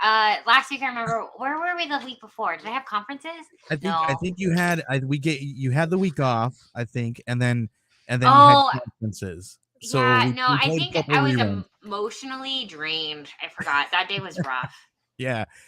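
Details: Adult speakers in conversation; normal voice.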